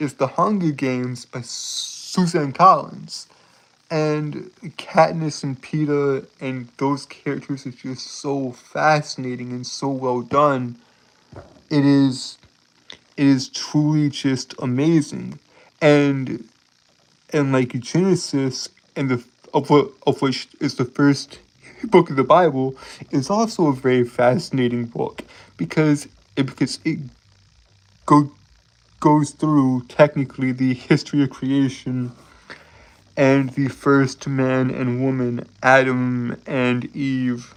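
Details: Adult male streamer with a self-reported speech impediment causing stuttering and tripping over words; word and phrase repetitions: stuttering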